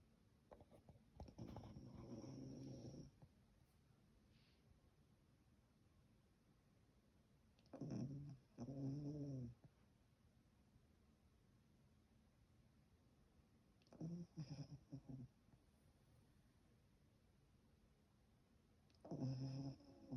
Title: Waking up a snoring doggo having nightmares